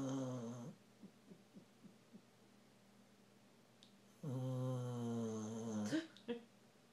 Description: My rottie mix snoring and dreaming